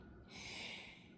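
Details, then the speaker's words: A dog asleep on a pillow snores in the background: snoring. "And if you hear the dog snoring, Jasmine is laying on this pillow and she is currently sleeping or taking a cat nap, dog nap, whatever you want to call it."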